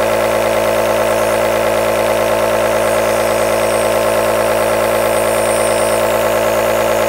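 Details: Compressor aerosol nebulizer running continuously: a steady mechanical motor hum with a fast, even pulsing of about 220 a minute.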